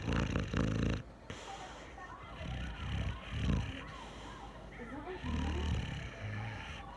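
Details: Brindle Boxer dog, tagged puppy, sleeping and snoring heavily: low, snorting snores at roughly twenty breaths a minute with quiet background noise.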